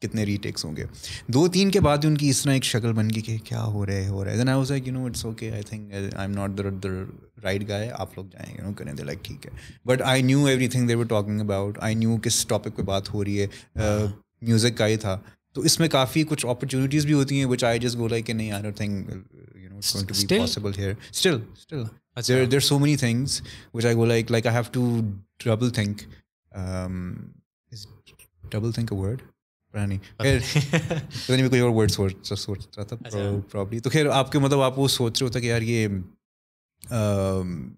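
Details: Adult male with stuttering (stammer), reportedly worse when he is conscious of it.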